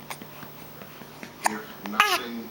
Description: My 2 month old niece hates it when she gets the hiccups..